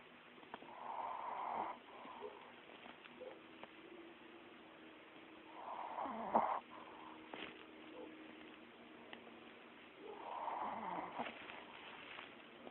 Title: My dog snoring